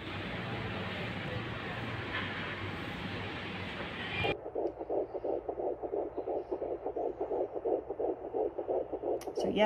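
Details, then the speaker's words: Normal fetal heart rate heard with a handheld Doppler probe and ultrasound gel on the pregnant patient's abdomen: fast, regular fetal heartbeat about 150–159 a minute. "यह ultrasound jelly होती है जिसे लगाकर हम patient का FS बच्चे का foetal heart rate सुनते"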